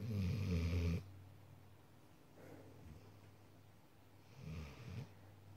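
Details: Sleeping dog: a loud, almost human-sounding low snore, then softer snorting breaths over a steady low hum: snoring.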